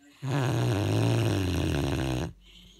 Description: 2 St Bernard's snoring